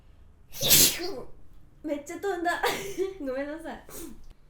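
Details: One sharp, explosive sneeze from an adult woman, followed by a few seconds of ordinary speech.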